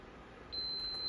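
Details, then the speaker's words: Enteral feeding pump being set up for a GJ-tube patient's feed into the small intestine: a steady high electronic beep over quiet room noise when the prime button is pressed on an auto-priming pump. This is the prime beep. "make that noise and it'll say two stop push Prime again"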